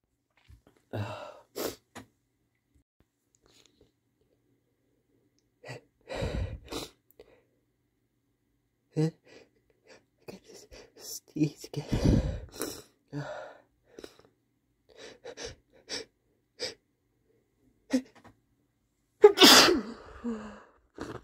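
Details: Male sneezing: several sharp explosive sneezes, some preceded by quick in-breaths, with quiet gaps, a relieving run of sneezes.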